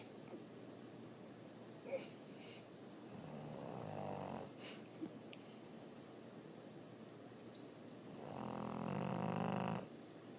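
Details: Snoring French Bulldog: two slow, rough breaths with a fluttering, buzzy snore, the second louder and longer, over steady room hiss.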